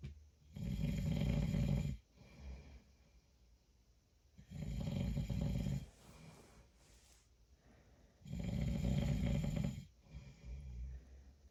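Three loud rattling inhaled snores, each about 1.5 seconds, with quiet exhalations between, roughly 15 breaths a minute; regular snoring.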